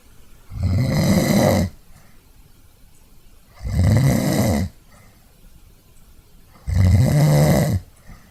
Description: A short series of snores captured via the built-in mic of an Archos AV420, with minor edits in Audacity and noise reduction in Soundtrack Pro under Mac OS X.